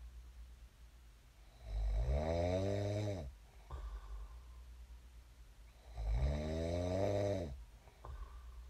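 Loud rattling snores on each in-breath, about 14 a minute, with quieter breathing between; steady snoring during sleep.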